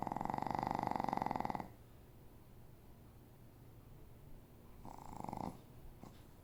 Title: Lulu snoring 2